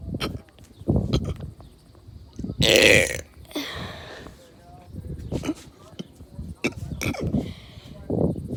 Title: Burping in my neighborhood 1